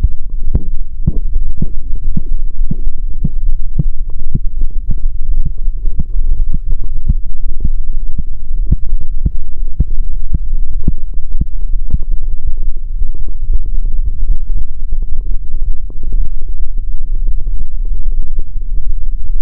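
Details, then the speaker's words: Korotkoff sounds heard by stethoscope over an adult patient's brachial artery as the cuff deflates during manual blood pressure measurement. They are steady low thumps at about 75 a minute, starting at the first sound after the pulses were silenced. "now I'm going to gradually down listening for the first sound and there we have it now got bills blood pressure"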